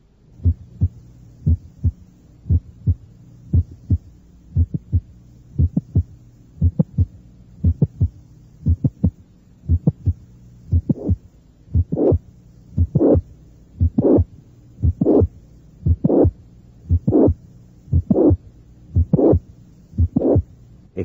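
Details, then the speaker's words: Mid-systolic click with late systolic murmur at the cardiac apex (review example 11, teaching recording), as in some mitral regurgitation: normal heart sounds near 58/min, click added, then high-pitched late systolic murmur. "los vídeos cardíacos son normales hay un chasquido mes o sistólico seguido por un soplo sistólico tardío de tono alto esto ocurre en algunos pacientes con insuficiencia mitral"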